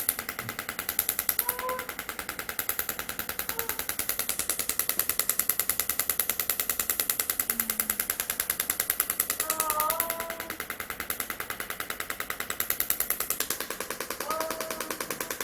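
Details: Extracorporeal shockwave therapy for heel pain and Achilles tendinitis in a female patient, after about twenty earlier sessions without improvement: rapid, steady clicking pulses, about 200 a minute, with faint voices and music behind.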